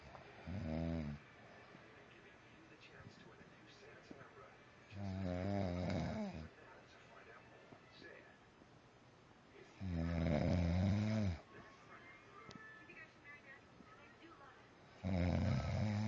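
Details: Adult man snoring heavily in sleep: loud, rattling snores on each inward breath, about 12 a minute, with quiet pauses between.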